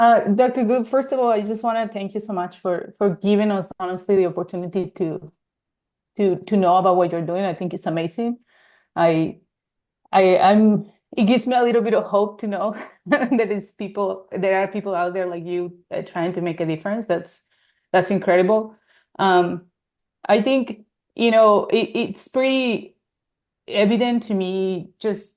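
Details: Adult speaker, likely female, on a remote call; ordinary conversational speech.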